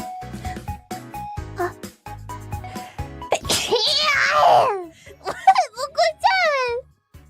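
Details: Over light background music, a sharp, high-pitched voiced burst is followed by squeaky falling sounds, likely two quick sneezes from a VTuber character.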